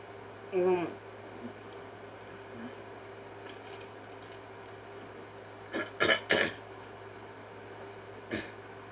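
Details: Brief throat-clearing noises from a person who has apraxia: one early, a quick cluster of three, then one more, in a quiet room. Repeated throat-clearing vocal tics.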